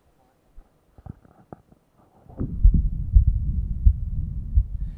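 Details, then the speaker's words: Stethoscope heart sounds at about 86 beats a minute in a patient with aortic regurgitation; diastolic regurgitant murmur louder during isometric handgrip, which increases afterload. "probably the best one for a or decree vegetation is the isometric hand grip because it increases afterload it'll make the pressure of pushing the regurgitant murmur back much louder so it'll increase your aortic regurge murmur"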